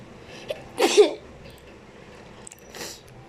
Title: playin some duels(ignore sneezing)